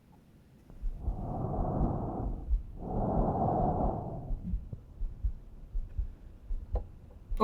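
Two loud, harsh, hollow rushes of air, inhalation then exhalation, each lasting well over a second with a short gap between. These are normal tracheal breath sounds in a child, louder than in an adult because the narrower airway makes airflow sound stronger. A brief click ends the recording.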